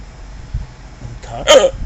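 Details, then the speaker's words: Single abrupt, forceful hiccup over background room noise during a bout of forceful hiccups lasting about 3 hours. "It's been like 3 hours with the fucking hiccups. And they're forceful."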